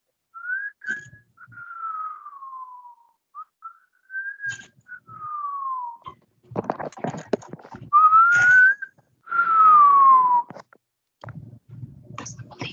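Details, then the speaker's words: Imitated wheeze, made by pushing air through constricted pursed lips: thin whistled tones showing the musical expiratory wheeze of asthma from constricted bronchioles and mucus. "a wheeze. So that mucus, that's an asthmatic. And that's what happens. The bronchioles get constricted."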